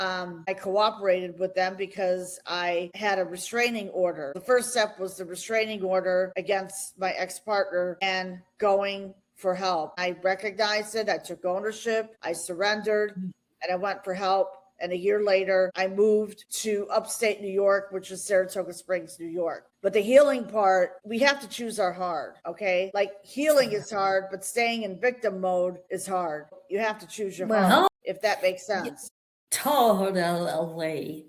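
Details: Adult woman speaking, brief reply from a second speaker; normal voice.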